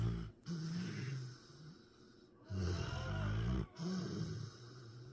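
Low, buzzing snores on slow breaths, with a pause between them. Snoring in a sleeping dog.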